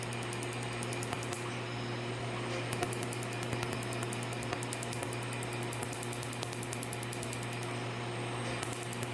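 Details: Rapid, steady crackling laser pulses over a constant low machine hum from a laser during a live laser tattoo removal session on a patient; laser in operation.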